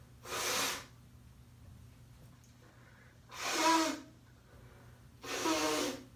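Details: Sneeze captured on camera from someone whose allergies have been ramping up, followed by nose blowing; sneeze.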